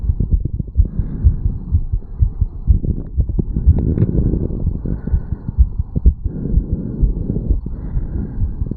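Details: Fast heartbeat of a 34-year-old male after a quick morning jog, recorded at the mitral (bicuspid) valve area: rapid, deep thumps at about 128 per minute with some rubbing noise.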